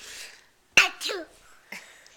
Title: The Sneeze